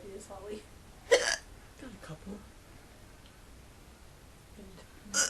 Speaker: I had the hiccups can't stop